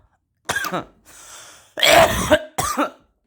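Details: Several harsh coughs with a throat-clearing rasp and a short breath between bursts; irritant cough after smoking in an enclosed garage.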